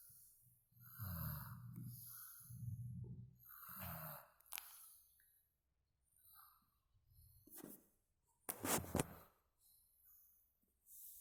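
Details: Sleep snoring: low rumbling snores on breaths in, then quieter breathing with a few sharp noises in the room.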